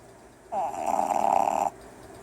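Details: Red Boston terrier puppy snoring while asleep and dreaming: one brief, buzzing, whistle-toned breath lasting about a second.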